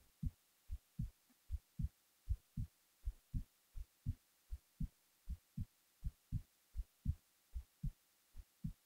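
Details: Resting heartbeat recorded while the person was falling asleep: steady, low, soft, evenly paced thumps at about 78 beats a minute in a quiet room.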